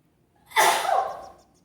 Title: Cute Sneezes Africa.